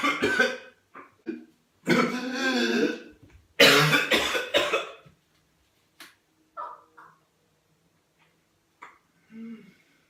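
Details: Adult with episodes of laryngospasm/vocal cord closure, at night and in a bathroom: harsh, forceful hacking coughs and throat clearing in a long fit, then quieter gasps and gurgling; whooping cough (pertussis) coughing fit.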